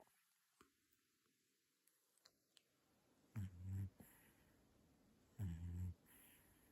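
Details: Two soft, low buzzing snores about two seconds apart from a sleeping cat, with faint clicks in a quiet room.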